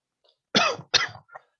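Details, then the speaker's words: Adult with a hoarse voice, recovering from a chest infection and saying it is not COVID: two sharp, harsh cough bursts close together, then a faint short exhalation. "Excuse my voice and my cough, by the way. I do not have COVID."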